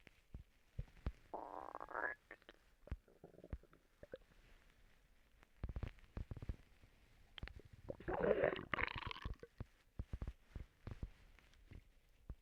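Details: Stomach noises from a person who has recently been sick and vomiting: quiet irregular gurgles, squeaks and bubbling rumbles with scattered clicks; bowel sounds (borborygmi).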